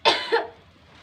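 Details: Simulated 40-year-old male patient with breathlessness and hard-to-expel sputum, on 2 L/min nasal cannula oxygen, RR 28: one forceful double-burst voluntary cough after inhale-hold, effective cough technique to clear sputum.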